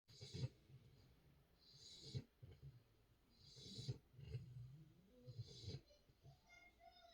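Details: Sleeping female puppy in a diaper snoring: soft, irregular rumbling breaths with snorty inhalations, roughly every two seconds.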